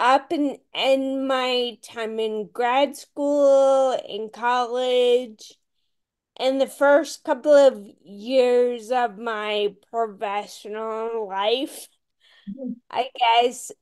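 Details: Ataxic dysarthria in a woman with Friedreich's ataxia, a rare, genetic, progressive disease, diagnosed around age 16; real speech, and she reports voice issues.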